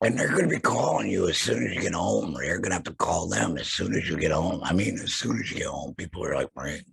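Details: Adult man, laryngectomee after throat cancer with vocal cords removed; alaryngeal speech after total laryngectomy.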